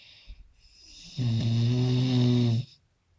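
One loud, low, droning snore lasting over a second, with a buzzing rattle, then quiet.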